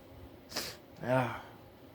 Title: sneezing fit